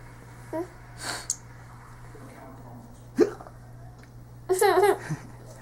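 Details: Infant about a week old with hiccups, lying on a bed beside his older brother: a few short, sharp voiced catches with brief vocal sounds, over steady room hum.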